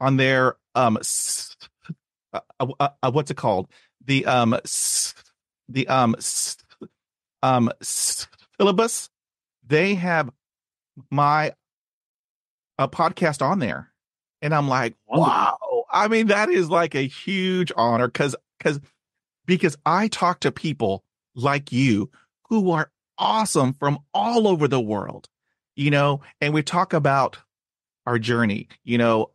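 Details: Stuttering since childhood in an adult man, with speech therapy at age 5 and in his 20s; blocks and repetitions, especially on cold reads.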